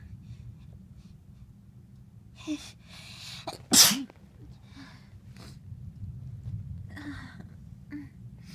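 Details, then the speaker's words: Tickly sneeze: one sharp, forceful sneeze after a quick indrawn breath, among quiet breathing and small sniffs. "I have to. Excuse me. These are so tickly."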